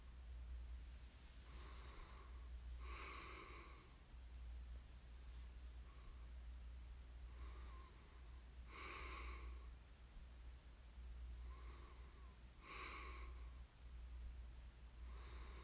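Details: Snoring in sleep: slow, regular noisy breaths about every 4 seconds, with rough fluttering on inhalation and whistling exhalations, over steady room hum.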